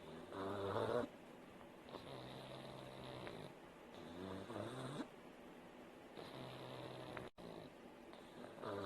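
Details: A sleeping pug snores with steady, rhythmic rattling on each breath, about eight breaths a minute.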